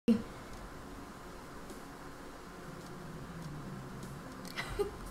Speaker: you hear that? That was like my stomach growling so loud.